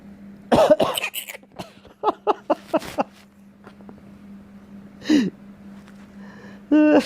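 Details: Orphaned baby megabat (flying-fox fruit bat) in wildlife rehab care coughing; the little one dislikes coughing; cough.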